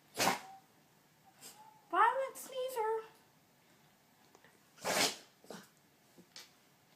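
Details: Dog sneezing: two sharp, explosive sneezes a few seconds apart, with soft snorts and a brief whine between them.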